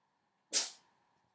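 A single short, hissing burst of air, a small cat's sneeze, fading quickly into quiet.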